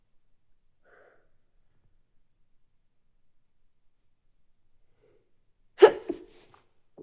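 Quiet room, then a single sharp explosive burst with a short trailing breath: one sneeze.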